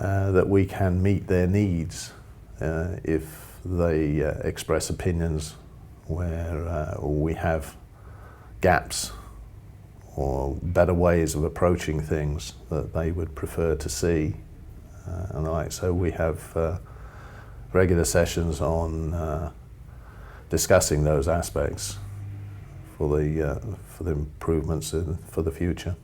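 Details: Adult man speaking; ordinary speech.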